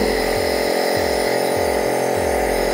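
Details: Steady loud mechanical hum and buzz of an Elvasense NEB39 air compressor nebulizer for respiratory therapy, running at its maximum airflow setting; nebulizer compressor running.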